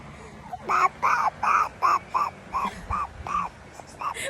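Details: Hoarse voice in a baby, caused by a cough, while still babbling.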